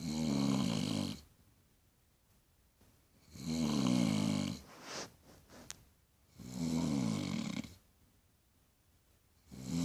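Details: A mother asleep at night gives loud, low, rattling snores, about 18 a minute, separated by quiet pauses; snoring.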